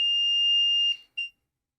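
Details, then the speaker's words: Low-pressure alarm on an LTV1200 ventilator, set up as a new adult patient after a circuit leak test, with no test lung or patient connected: a sustained high-pitched electronic tone, then a short beep. "We got low pressure alarm because there's no test lung or nothing connected."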